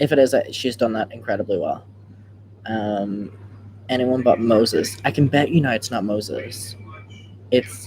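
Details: Adult speaker; normal speech.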